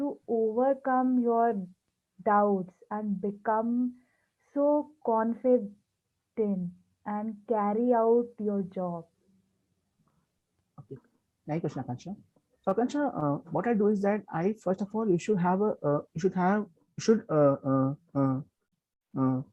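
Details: Stuttering in a person who stammers, introducing a guest in an interview series about people who stammer.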